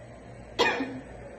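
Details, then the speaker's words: Induced cough reflex from tracheal stimulation, sliding downward on the trachea or pressing in small depressions: a single short, harsh cough burst. "y como tercero vamos a a realizar un estímulo un estímulo traqueal es lizando de arriba hacia abajo o también podemos hacer pequeños hundimientos y Esto va provocar el reflejo en el paciente"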